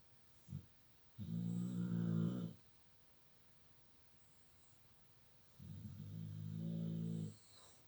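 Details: Dog snoring in sleep: slow, deep rattling snores with long quiet pauses between, about two breaths in eight seconds.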